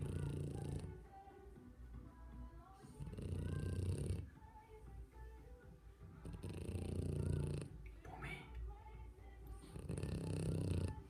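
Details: French Bulldog puppy snoring in sleep: low rumbling snores in slow cycles, partly covered by background music.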